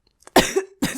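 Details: Two sharp, harsh coughs in quick succession, the first with a brief voiced tail, from someone who says they are sick and mentions cough syrup; old recordings compiled.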